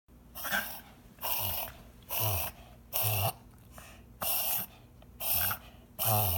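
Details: Dog's breathing problem (March 2019): seven harsh, snorting cough-like bursts in rapid succession, suggesting an airway problem.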